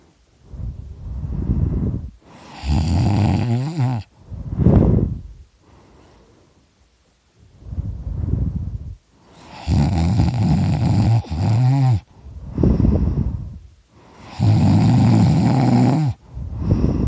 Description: This is me snoring I'm so loud.